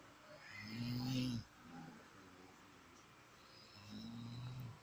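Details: Sleeping animal (Koki) snoring: two long, low, rumbling snores with a quiet gap between them.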